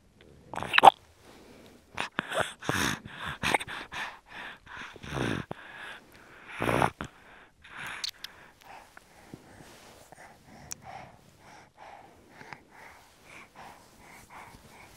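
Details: Breastfed infant girl, distracted by lights and people, recorded in an anechoic chamber: nasal congestion causes snorting and wheezing through a blocked nose, with feeding in short bursts and frequent pauses to catch her breath.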